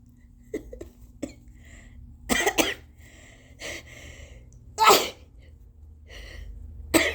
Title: Induced tissue sneezes, w/ VERY snotty nose blowing🤧